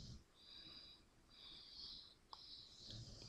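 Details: Very tired sleeping dog, new to the family and also passing gas, snoring: soft, high-pitched whistling snores repeating with each breath, with a faint nasal sniff.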